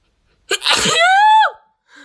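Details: Sneeze during a sneezing challenge: one sharp explosive burst followed by a drawn-out voiced tail; sneeze.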